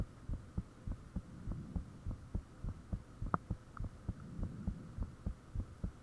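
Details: Self-recorded heartbeat with the fan off, taken shortly after the heart became very thumpy: a steady thumping beat near 100 per minute with a few faint high-pitched clicks, loud and clear.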